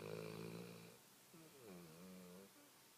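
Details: Light snoring during sleep: soft, drawn-out, buzzing breathing sounds in a quiet room.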